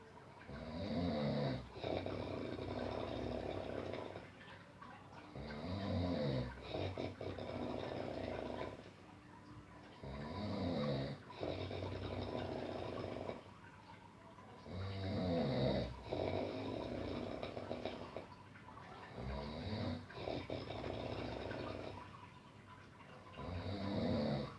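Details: Deep sleep: loud, rattling snores recur about every five to six seconds, with quieter breath-outs between them.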